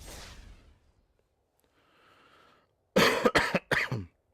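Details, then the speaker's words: Adult with a sore throat, producing lots of phlegm: a soft breath, then three loud, rough, wet coughs in quick succession that bring up mucus, a productive cough. "Ugh. Ew, that one had mucus in it. Ew. I feel like I need like a spit bucket next to me."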